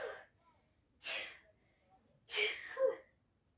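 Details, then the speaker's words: Two or three abrupt, hissing sneezes separated by quiet pauses, induced with sneezing powder; the speaker notes sisters sneezing in the background. "they were my sneezes now it's my turn guys my sisters are sneezing on the background"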